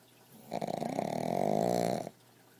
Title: Pugs snoring